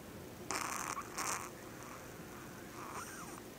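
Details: Small female Yorkshire terrier, owner says she snores louder than any other dog they've owned: two short, hissing, fluttery breath noises over a steady background hiss; light snoring.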